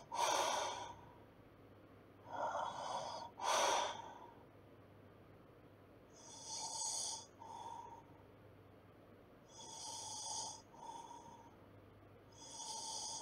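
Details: Snoring during sleep: hissy, rattling breaths with snorting snore sounds, about 18 a minute.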